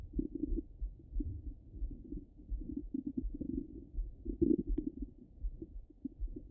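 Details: Stomach rumbling heard through a stethoscope: low, bubbling gurgles and rumbles in irregular bursts, ordinary bowel sounds.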